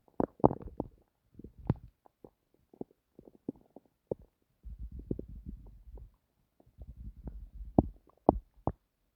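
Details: Bowel sounds (borborygmi).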